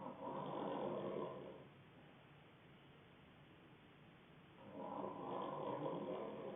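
Two soft, buzzing snores about four seconds apart over steady low background hiss; ordinary snoring.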